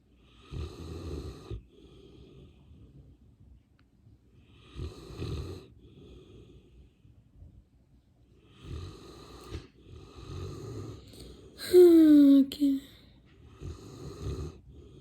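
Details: Sleeping English Mastiff dog snoring loudly: slow heavy snores roughly every four seconds, about 15 a minute, with a brief squeaky nasal whistle near the end.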